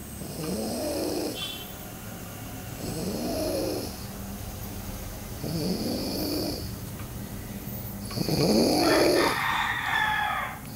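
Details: Snoring during sleep: four regular rattling snores about every 2.5 seconds, roughly 24 a minute, with quieter breaths between.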